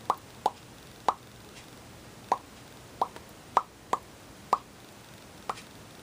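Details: Sharp, repeated lip pops at irregular intervals, about nine in six seconds, from an autistic person; an automatic tactile and auditory sensory-seeking stim.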